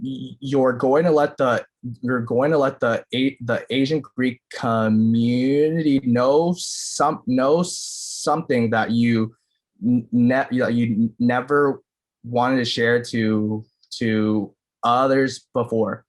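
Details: Middle-school boy who states that he stutters; finding: stuttering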